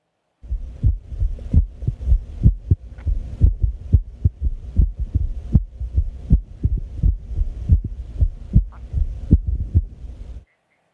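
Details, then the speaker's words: Example heart sound played to illustrate heart arrhythmia: low heart thumps at uneven spacing, some faster and some slower, an irregular heartbeat. "Okay, so the second heartbeat, that sounds more irregular and somewhat less normal in a way, right? Yes, so you were able to hear from that example that, it's a bit irregular, some seemed a bit faster and some a bit slower."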